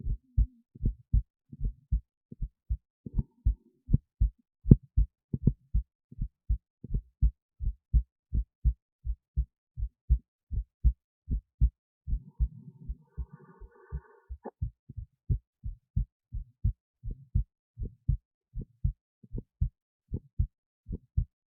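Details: Own heartbeat recorded with an esophageal stethoscope resting near the heart, recorded alongside an EKG: steady paired heart thumps at about 75 beats per minute; normal heart sounds.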